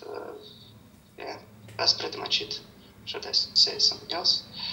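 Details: Puberphonia in an adult male, recorded before puberphonia therapy.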